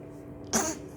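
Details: Six-month-old baby making one short, breathy huff over faint room noise; a voluntary, imitated pretend cough rather than an illness cough.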